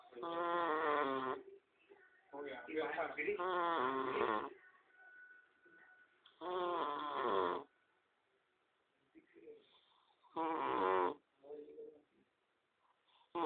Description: A deep human snoring....quite funny...hehehhe